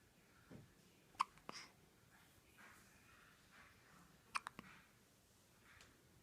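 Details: One-week-old newborn, wide awake and alert, with hiccups: quiet, sharp little clicks at irregular intervals in a quiet room.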